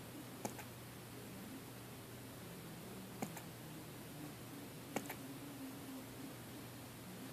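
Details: Two-month-old Shih Tzu puppy having hiccups.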